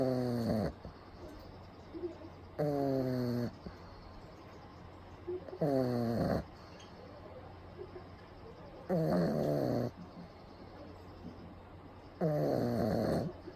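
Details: Pug napping in the daytime with eyes rolled back to the whites, recorded close up: loud, regular, whistling, rattly snoring at about 18 breaths a minute, typical of a flat-faced dog.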